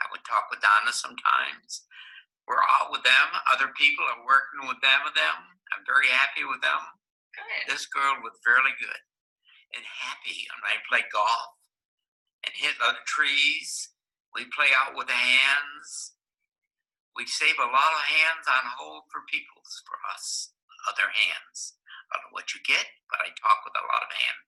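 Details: Adult in conversation with a speech-language pathologist, presented as a good example of Wernicke's aphasia with impaired comprehension; Wernicke's aphasia.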